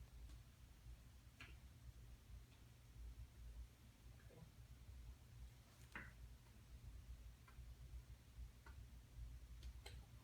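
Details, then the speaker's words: Percussion of each abdominal quadrant during a physical exam: soft, brief taps against low room hum, described as no air heard and nothing wrong; normal abdominal percussion. "Okay, sounds good. No air heard, nothing wrong there. Everything looks good."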